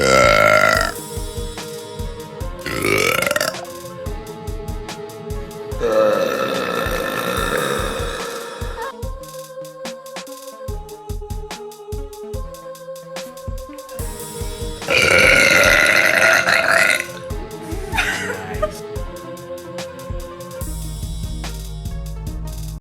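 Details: A woman gives several long, loud, voiced burps with background music between them; belching.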